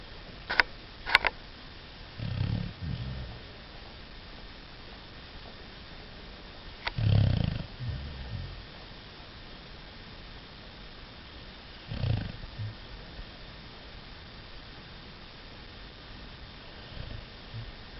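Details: Low snorting snores about every five seconds, roughly 12 a minute, from a fat beagle, with quiet between them and a few sharp clicks at the start; snoring.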